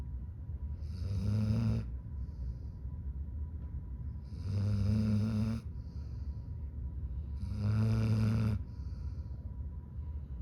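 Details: Low rumbling snores during sleep, about three every ten seconds, each followed by a soft airy breath out; ordinary snoring.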